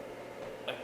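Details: Person with Ehlers-Danlos syndrome gently and voluntarily cracking the back without forcing it: a single short, sharp click against quiet room hiss, back joint cracking.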